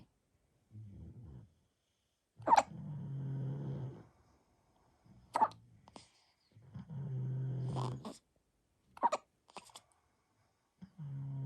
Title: 3 days old baby hiccups